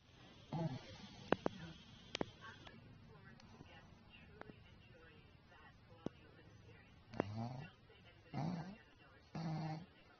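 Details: Sleeping dog snoring: several low, rough snoring breaths with scattered clicks and room noise between them; ordinary snoring.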